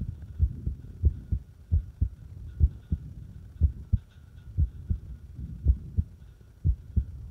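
Paired heart sounds at roughly 65 beats a minute with uneven gaps between beats; an irregular heartbeat.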